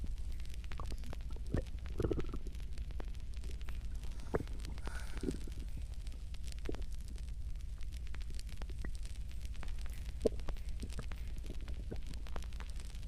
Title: stomach growling after drinking water